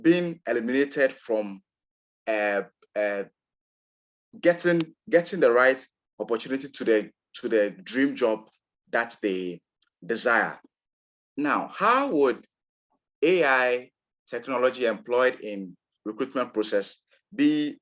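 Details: Real recording of an adult man from Ghana who describes himself as a person who stammers; stuttering.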